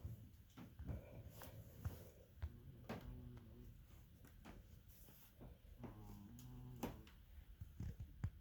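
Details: Cat sleeping in a home spa/sauna: soft low rattling snores with faint buzzing on each breath among small room knocks and clicks; cat snoring.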